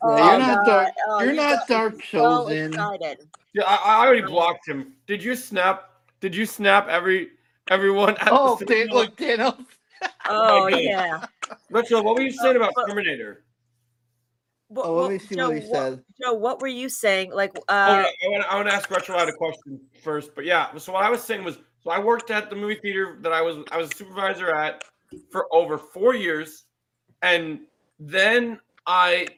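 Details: Male podcast guest who stutters and practices by reading comic books out loud to improve his stuttering and speech; stuttering.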